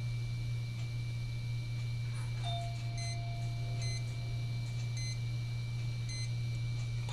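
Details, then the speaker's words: Automatic blood pressure monitor taking a resting reading in a 16-year-old girl with POTS after occiput adjustment. Faint, evenly spaced electronic beeps over a steady low room hum; the reading was 96/57 with pulse 55. "looks real nice there you can see the beep on the machine that it's looking very very good"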